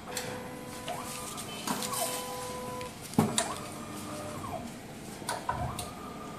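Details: MSLAB07 automated blood analyzer running a background check after priming diluent, cleaner and lyse: whirring motor, sliding mechanical movements, clicks, knocks and short electronic tones.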